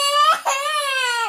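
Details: Loud, high-pitched sobbing with a brief catch of breath mid-cry from a child upset at being made to wear clothes not of their choosing.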